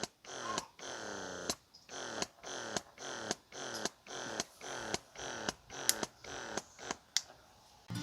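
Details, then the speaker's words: O'natural 0.21 (Youha Ava) wearable breast pump at level one: steady rhythmic whirring motor pulses, about 110 a minute, each ending in a click, as it cycles through massage, expression and mix modes. "then for the 0.21 so this is the massage setting this is on level one for both of them this is the expression and then this is the mix blend so it goes into massage and then stimulation i mean massage and then expression"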